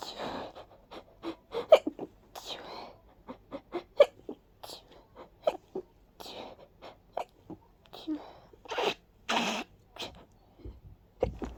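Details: Rapid series of about a dozen small, breathy sneezes close together, from someone with severe allergies who felt light-headed afterward; repeated sneezing.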